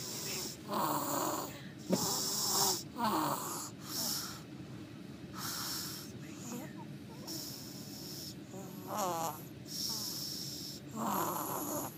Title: She snores! Lol!!!